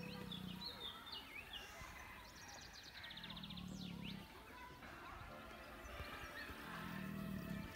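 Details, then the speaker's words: A sleeping lion in a safari park gives deep, rumbling low snores about every three to four seconds, with birdsong in the background: snoring. "Они все здесь. Вы слышите храп, друзья? Я иду опять. Иду на цыпочках, на носочках, чтоб не разбудить."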